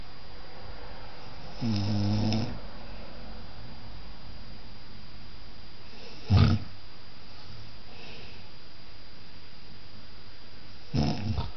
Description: My OH snoring